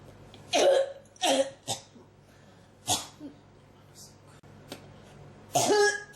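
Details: Run of about five dry, harsh coughs in quick succession with brief quiet gaps; coughing that will not stop: persistent cough.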